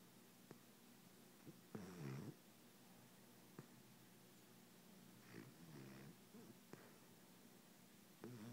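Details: Dog snoring at night: soft rumbling snores about every three to four seconds, with faint clicks and snorts between; ordinary snoring.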